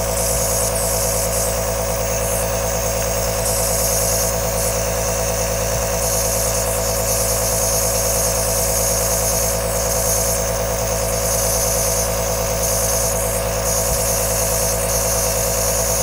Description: 3 Hours of Aerosol Nebuliser sound with black screen (ideal at night) suitable for sleeping, relaxing , focusing on learning or soothe a baby.